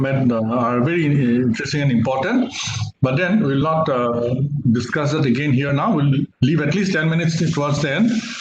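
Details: Adult male speaker; Normal speech.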